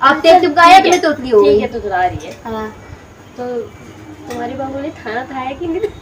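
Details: Adult woman speaking Hindi; ordinary speech.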